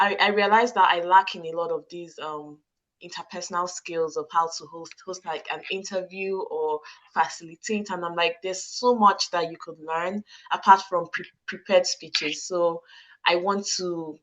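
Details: Adult woman with stuttering since childhood, who says she struggles to get some words out and sometimes squeezes her hands to get them out; word repetitions present; stuttering.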